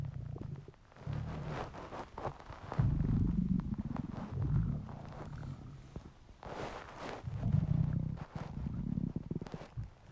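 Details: Hungry stomach noises from a male: long, loud, low growling rumbles with gurgling bursts, almost continuous; hunger borborygmi.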